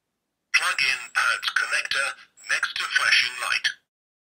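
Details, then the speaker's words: Simulated voice prompt from a Mini AED trainer that gives no live shock, telling the user to apply pads to the patient's bare chest after power-on, in a first-aid training demonstration; AED voice prompts. "so exactly as it says I need to apply the pads to the patient's be chest"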